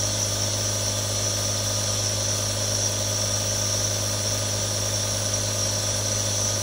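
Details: Real nebulizer, one of three recorded: steady mechanical hum with hissing airflow, running continuously.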